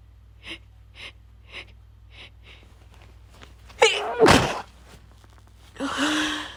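Several quick catching breaths build up, then two loud wet sneezes and a noisy breath out: sneezing after a buildup.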